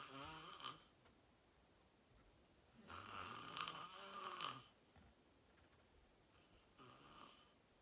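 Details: Person filmed asleep after falling asleep fast, in deep sleep: loud, rattling inspiratory snores repeating with each breath against quiet room noise.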